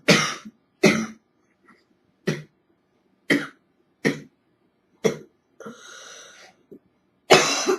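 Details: Simulated (acted) cough of an adult woman with a cold: seven harsh, loose cough bursts, first stifled, with a rough noisy breath between.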